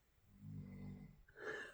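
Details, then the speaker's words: Dog (female) snoring audibly while resting just after returning from a walk of a few miles; snoring. "I don't know if you can hear her. Oh, she's snoring. We just got back from our walk."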